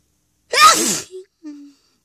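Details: A sneeze from a loud sneezing fit with flowers, some sneezes stifled, with nose blowing later: a single loud, explosive sneeze after a sharp intake of breath, followed by two short voiced sounds.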